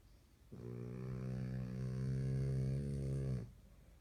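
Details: A single long, low, buzzing snore of about three seconds on inspiration from a sleeping French Bulldog puppy in a quiet room; the owner says it snores loudly depending on how tiring its day was.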